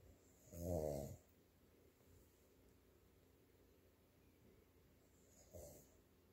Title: snoring